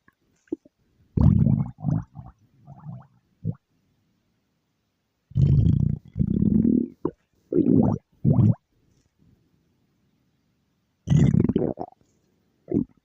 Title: stomach growl